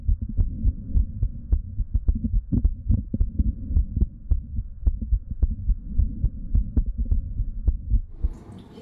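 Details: Female patient with diastolic dysfunction and heart murmur, Littmann stethoscope over aortic and pulmonic areas: heart murmur with fourth heart sound; obvious regurgitation noted.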